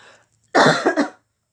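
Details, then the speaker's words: A single abrupt adult cough with a brief second push over faint room noise; the person is unsure why they are coughing after eating eggs. "no idea why I'm coughing I just had eggs"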